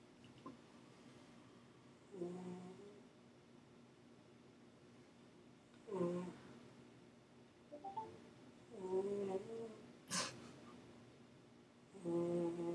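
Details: Sleeping cat snoring: soft, irregular snoring breaths, about four to five over the stretch, in a quiet room.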